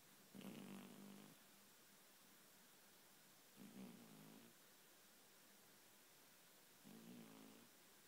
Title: Cat dreaming twitching and snoring